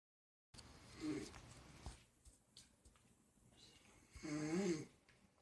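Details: Person passed out asleep: two rough, fluttering snores a few seconds apart with faint room noise between; snoring.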